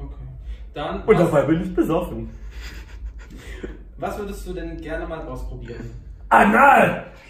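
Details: Adult speaker; normal speech.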